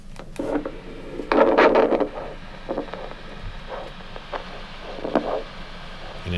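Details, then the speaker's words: Handheld Doppler over the foot pulses (dorsalis pedis, posterior tibial) of a diabetic patient with a plantar ulcer under the first toe; pulses palpable, pulsing whooshes confirm an arterial Doppler signal. "let's go one step further and let's actually put a Doppler let's listen to that is there a Doppler signal"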